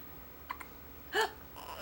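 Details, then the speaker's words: Baby boy awake, possibly tired: faint clicks, then one brief, sharp voiced hiccup in a quiet room; hiccups. "Did I hear a hiccup? You're not sure what you're thinking, huh? Tired hiccups?"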